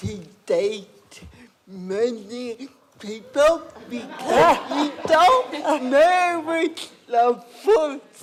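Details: Adult woman with cerebral palsy and a speech impairment; dysarthria (cerebral palsy).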